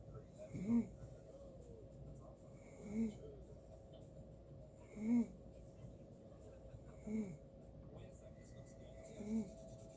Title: Snoring Funny